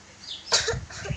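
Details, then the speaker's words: One short, deliberate cough from a first-grade schoolgirl, muffled as if into her sleeve, demonstrating proper cough etiquette to prevent COVID-19 spread. "Cara batuk yang benar dan bersin yang benar. Caranya tidak boleh menggunakan telapak tangan. Bolehnya dengan tisu sama kain."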